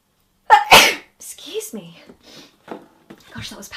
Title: Big sneeze compilation